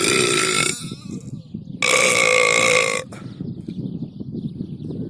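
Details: Cow outdoors: two loud, drawn-out, droning belches over outdoor background noise; burping.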